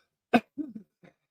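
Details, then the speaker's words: Adult's cough, described as one that makes the head feel like exploding: one sharp, forceful cough followed by a brief voiced throaty sound and a faint short grunt in a quiet room. "you ever have one of those uh coughs that when you cough you feel like your head's going to explode today's one of those"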